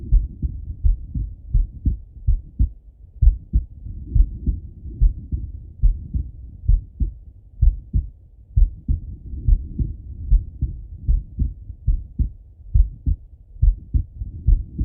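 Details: Male lying on his left side, heard through a stethoscope: deep, muffled lub-dub heartbeats, about 70 a minute, with low rumbling stethoscope noise between; ordinary adult heart sounds.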